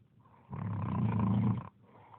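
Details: Woman snoring: a single loud, rattling snore lasting about a second on breathing in.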